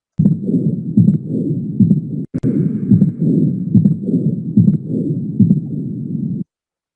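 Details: Mitral stenosis on heart auscultation: regular rhythm near 72 a minute. The second sound with an opening snap gives a gallop-like, third-sound-like double, followed by a low rumbling diastolic murmur.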